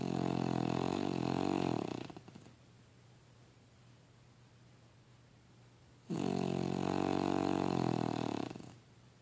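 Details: Sleeping dog snoring: two long, loud, buzzing, vibrating snores separated by a quiet pause.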